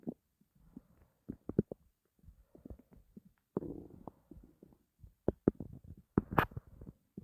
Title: my starving stomach growls